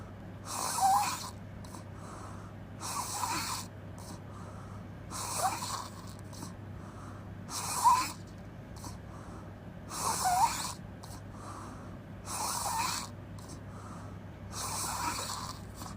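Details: Loud open-mouth snoring: about seven snores in 16 seconds (roughly 25 a minute), each with a fluttering, puffing breath over a steady background hum.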